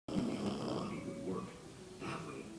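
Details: Sleeping pug: low, rattling breaths that fade on the out-breath; snoring.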